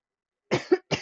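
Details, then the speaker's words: Adult streamer's cough picked up by a Bluetooth telephone headset during a live diamond-art session; described as not a COVID cough. "So when I have to cough, I don't have any way of muting it so I don't cough in your ear. I apologize for that."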